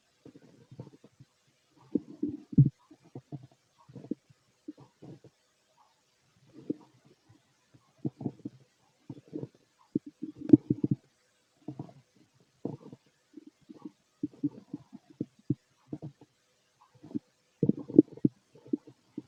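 Scattered bubbling gurgles and soft rumbles in bursts with brief quiet gaps; active bowel sounds of an empty stomach, normal.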